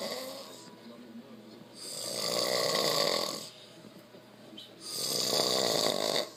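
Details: Adult snoring in sleep after a long hard day of work: two long, rough, rattling inhaled snores with quieter breathing between them; loud snoring.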